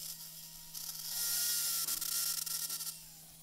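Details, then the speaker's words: Live cervical spine surgery (posterior C3–T2 decompression and fusion): high-pitched whine with rasping grinding of a high-speed orthopedic spine drill with a 3 mm neuro bit cutting through the lamina, starting at C7. "So I'm using a special drill. It's a spine drill, orthopedic drill, and it has a little bit called a neuro bit. It's a 3-millimeter neuro bit."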